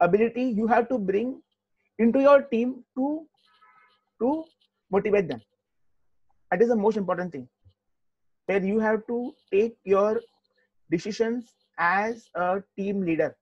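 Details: Adult man, an IT professional who stammers, answering a question in an interview; stuttering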